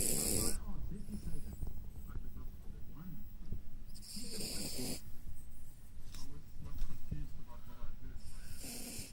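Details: Sleeping female Jack Russell terrier puppy snoring: low, rumbling snores about every four seconds with soft breathing and faint noise between.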